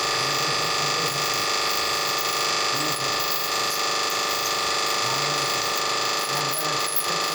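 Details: Steady high-pitched dental handpiece whine with faint rapid clicking during root canal treatment of upper right and left first premolar-region deciduous teeth in a child with sensitivity and gum infection.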